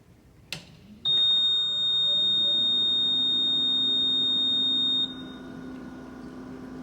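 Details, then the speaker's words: AirSep VisionAire 5 stationary oxygen concentrator (1–5 L/min) at switch-on: a continuous high-pitched beep of about four seconds as a normal alarm self-check, then a steady machine hum. "When you first turn the VisionAire on, note that you hear a 4-second beep. This is basically a check to be sure that the alarm system is working. It is normal for the machine to beep for 4 seconds continuously when first turned on."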